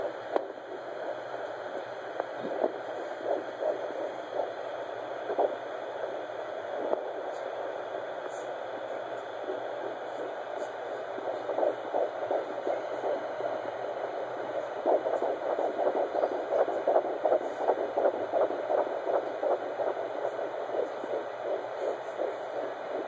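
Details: Fetal heartbeat on Doppler at 13 weeks of pregnancy: rapid, regular whooshing pulses roughly 150 to 160 beats a minute, with a possible echo.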